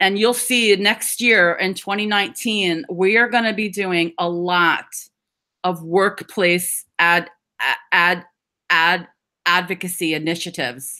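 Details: Adult woman who describes herself as a person who stutters, speaking at a stammering awareness session; audible repetitions; stuttering.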